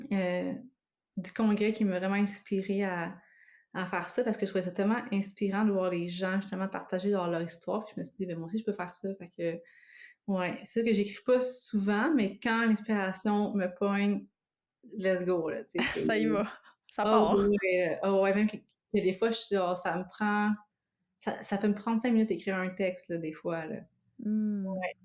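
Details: Adult woman who lives with both stuttering and cluttering; she reports both worsen with strong emotions, stress or fatigue: cluttering with stuttering.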